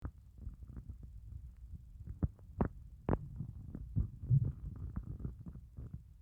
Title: 30+ hour fast stomach growls 🤭 I'm STARVING!!